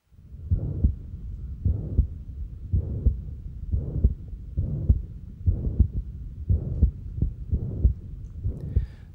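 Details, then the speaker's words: Moderate non-rheumatic mitral regurgitation, heart rate near 55 per minute: a soft first sound, then a loud harsh holosystolic murmur of constant volume up to a normal second sound, with no added sounds. "first heart sound is soft and is immediately followed by a loud, harsh systolic murmur. The murmur extends all the way to the second heart sound, maintaining a constant volume."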